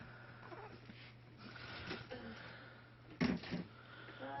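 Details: One short, sharp sneeze burst against quiet indoor room noise, with soft rustling before it.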